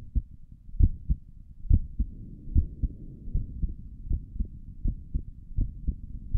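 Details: Own heartbeat recorded through a stethoscope on the chest for relaxing ASMR: steady paired lub-dub at roughly 80 beats a minute over low rumbling chest background; stomach gurgles occur in the recording; normal heart sounds.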